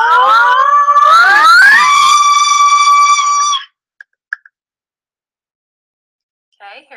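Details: Speaker's own sustained 'a' vowel gliding from a low C sharp up three octaves to measure maximum pitch range, within normal limits; the clip gets loud; normal maximum pitch range (vowel pitch glide).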